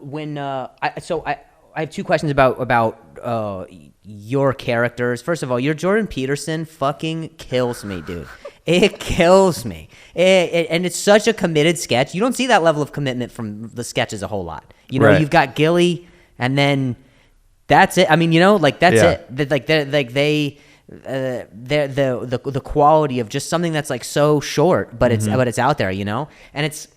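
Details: Adult male comedian who stutters, in spontaneous conversation with word and phrase repetitions. Stuttering.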